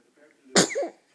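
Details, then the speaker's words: A single sneeze: a faint intake of breath, then one sudden explosive burst with a short voiced tail. "oh my goodness what happened yet what happened yet could you big sneeze"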